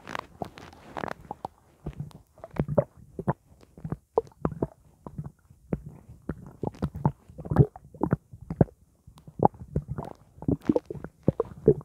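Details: Stomach after drinking blackcurrant juice: repeated low gurgling and sloshing bursts with brief pauses, as fluid and gas move through the gut; borborygmi.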